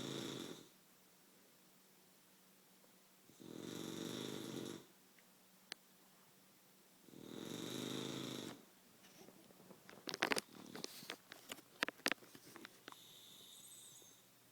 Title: Sassy snoring part 2